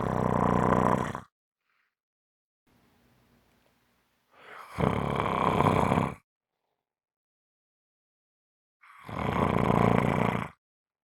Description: This is a 5 minute clip of snoring.